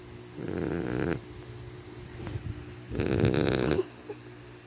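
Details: Two rough, fluttering inspiratory snores, each under a second, with quieter breathing between, from a sleeping pet called Sharphie; snoring.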